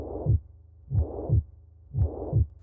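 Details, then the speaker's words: Regular lub-dub normal heart sounds, about 55 beats a minute, from heart valve closure as heard through a stethoscope, played in a talk on rheumatic heart disease. "Now, one of the heart sounds that we hear is indeed caused by the movement of the heart valve and that is a lub dub sound and you hear that through a stethoscope."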